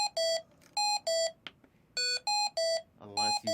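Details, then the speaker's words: Repeating bursts of shrill two-pitch beeps in groups: Hamilton-T1 ventilator alarm after starting ventilation, sounding until silenced or the issue is fixed. "it'll give you one minute grace period of silence while it's turning on and getting used to be patient so that's the alarm sound that you you'll"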